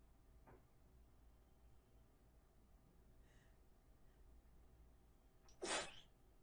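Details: Sneezing and snotting: a quiet sniff and soft intake of breath, then one loud, explosive sneeze near the end in a quiet room.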